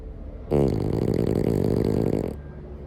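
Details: French bulldog snoring: one long, loud, rattling snore on an in-breath with a coarse fluttering buzz throughout.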